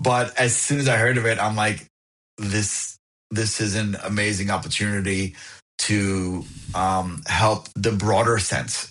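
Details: Adult man who found a stuttering support group at 28; audible repetitions; stuttering.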